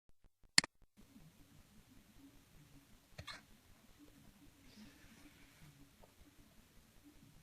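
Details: Cat with hiccups: faint, sharp clicks a few seconds apart in a quiet room.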